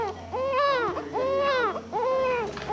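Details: Strong, normal newborn cry from a baby boy just after hospital delivery: three rhythmic, clear, rising-and-falling wails.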